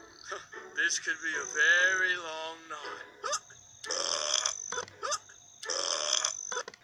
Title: Dingo burp compilation